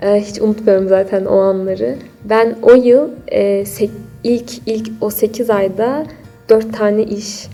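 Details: Stuttering in an adult woman.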